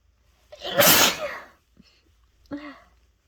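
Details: Adult congested from a cold, after a dose of chhinkni (sneezing powder): an indrawn breath, one loud explosive sneeze, then a short sniff and small exhale, during a bout of uncontrollable sneezing.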